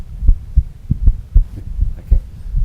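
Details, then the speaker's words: Low, regular heart thumps with a single beat showing a split sound, shown on a phonocardiograph; a once-off split is of no significance and would matter only if it recurred regularly. "we've actually got a split sound here so it's this there's nothing i've done with so it's just a split sound and it's a it's a once off in the whole process it's no significance at all"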